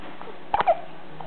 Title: Baby Hiccup